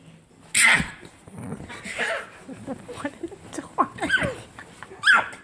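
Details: Dog fake sneezing playfully: several sharp, explosive nasal bursts with snorting in between; repeated sneezing, not from illness.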